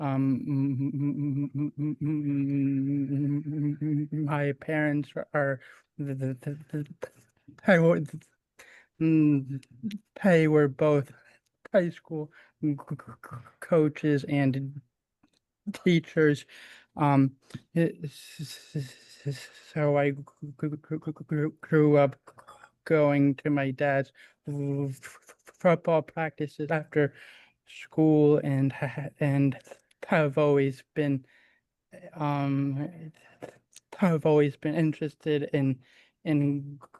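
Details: Stuttering in a male attendee of a session for people who stutter, who reports communicating has been a struggle for him.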